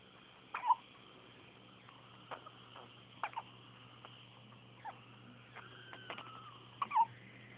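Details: Several short, abrupt catching sounds at irregular intervals over quiet room noise from a baby being talked to by mother; hiccups.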